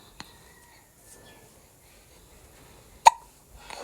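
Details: A baby's hiccups.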